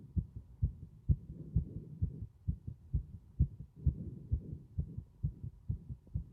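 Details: Heart sounds with prominent breath sounds: steady dull heartbeats about 130 a minute, with soft breathing noise swelling between beats.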